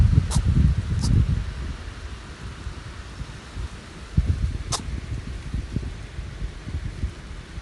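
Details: Baby rabbit on Okunoshima (Rabbit Island), Japan, suffering from sneezing.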